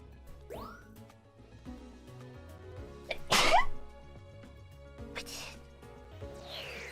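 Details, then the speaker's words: A triple sneeze attack followed by speech about her nose: one loud explosive sneeze over faint background music, with weaker bursts that may be further sneezes. "That was a triple. I'm fine. Yeah, my nose."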